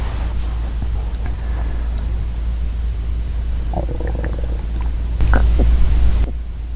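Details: Low rumbling gurgles with brief louder squelches over steady low background noise: real stomach growling (borborygmi) from a hungry girl's belly.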